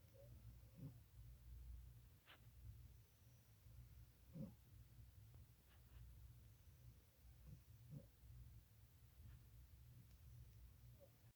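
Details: Sleeping pet snoring: soft, low rumbling snores at about 17 breaths a minute.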